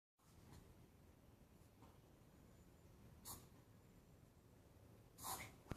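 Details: Chihuahua's hiccups: four faint, brief, sharp breathy bursts, irregularly spaced over a quiet room background.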